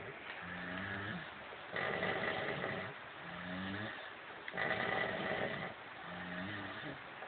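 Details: Two brothers, apparently drunk, snoring in synchronization, recorded on a phone: rhythmic low, rattling snores with overlapping louder noisy breaths, roughly 20 a minute.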